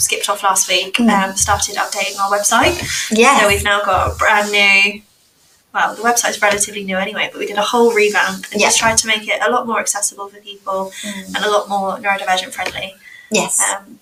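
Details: Adult woman speaking; Normal fluent speech.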